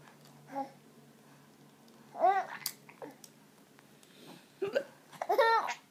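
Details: Hiccups in an adult woman (a mom): about five abrupt, sharp voiced hiccups, some ending in a short laugh, with brief quiet gaps.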